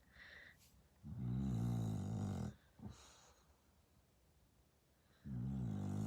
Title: Does your dog snore this loud?